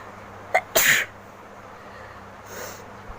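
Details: Self-provoked sneeze by a woman during a sneezing challenge: a short intake catch, then one loud, explosive sneeze, then quiet breathing and a soft blow.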